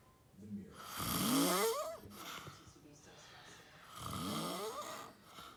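Two loud rattling snores on breathing in, about three seconds apart, with quieter breathing between them: snoring.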